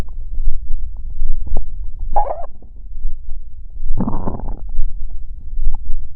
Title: Stomach growl